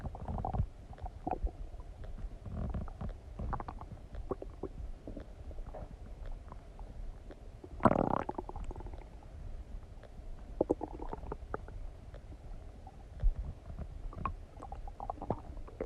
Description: Stomach digesting noises after eating some donuts